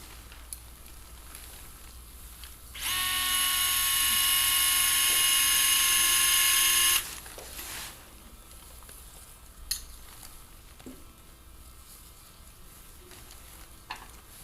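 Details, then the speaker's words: A steady high motor whine for about four seconds, then quiet room noise with small clicks, as a power driver seats a locking screw through a lateral fibula plate during an ankle fracture fixation demonstration. "place our locking screw and you'll do this continuously through the plate"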